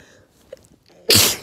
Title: Uncovered dusty sneezes